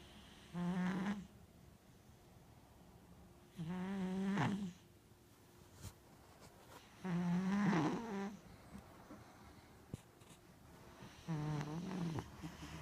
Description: A white cat sleeps and snores and then wakes up.